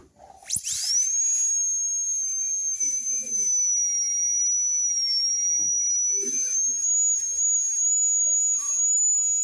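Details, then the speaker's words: High-speed dental handpiece preparing a veneer in a diastema case, with a subgingival cervical finish, before switching to an extra-fine bur: a steady high-pitched whine spinning up and running continuously, with faint background sounds. "Voy a cambiar de fresa por la denominación extra fina."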